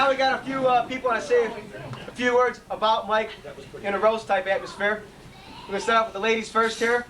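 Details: Adult male speaker; normal voice.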